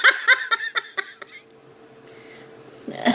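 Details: Hiccups in a woman who had them since walking in the door at home: about six short, sharp voiced catches in quick succession, fading over about a second, then quiet.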